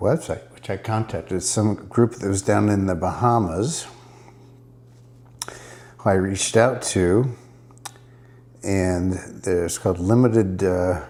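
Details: Dysarthria in an adult man diagnosed with multiple system atrophy; he reports his speech is improving after ibogaine treatment taken about 6 weeks earlier.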